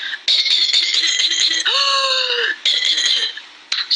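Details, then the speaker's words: Whooping cough (pertussis): a rapid run of short coughs, then a long high-pitched crowing inspiratory whoop. It follows cold-like early symptoms after 1–2 weeks, and severe coughing can cause vomiting. "the infected person would already be coughing like that with the severe coughing vomiting can also occur"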